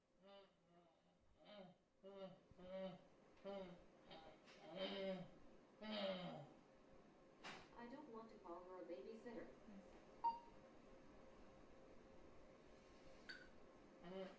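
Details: Adult woman with bulbar ALS and rather severe dysarthria, largely unintelligible, using an implanted BrainGate brain-computer interface that decodes her attempted speech: dysarthria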